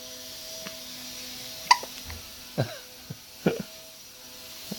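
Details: Days-old baby gives a few brief, sharp, irregular gulping catches in a quiet room with faint background hum; hiccups.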